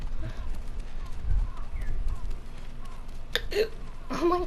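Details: A person gives three sharp, forceful, gulping hiccups in close succession that others describe as violent, as if about to throw up, over a low background hum of game sound; hiccups.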